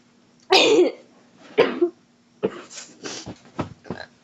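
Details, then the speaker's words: Coughing fit after accidentally inhaling a French fry while eating: two forceful, harsh coughs, then a rapid run of smaller choking coughs. "Yo yo I legit inhaled not thinking. I inhaled not thinking"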